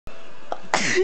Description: also i held in my sneeze because my parents were sleeping and it hurt